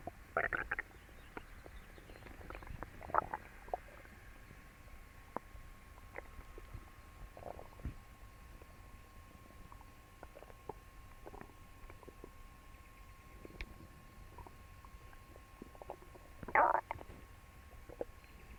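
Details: Scattered gurgles and several loud rumbling bursts over a faint hum after eating for the first time in a while; loud bowel sounds (borborygmi).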